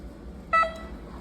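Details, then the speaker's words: Mindray PM8000 patient monitor switching on after disassembly, cleaning and reassembly: a single clear electronic power-on beep over low room hum, showing the monitor starts normally. "Bueno ahí podemos ver que él ya está prendiendo"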